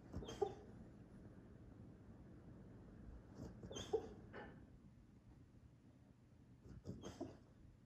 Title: Our pit terrier mix pup making weird noises while she’s sleeping